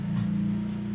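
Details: GEA SXT-5A electric suction pump for mucus and phlegm, with a 1-litre collection bottle and hose, in a demonstration: steady low motor hum with a fast, regular pulsing throb.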